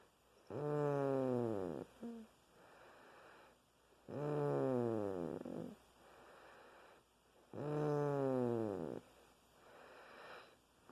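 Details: Three loud, drawn-out buzzing snores about four seconds apart, each followed by a soft breathy exhale; steady rhythmic snoring during sleep.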